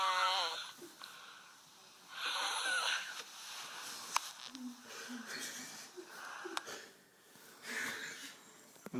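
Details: Sleep recording: slow, noisy breathing with a high whistling tone on some breaths and faint snoring; wheezy snoring.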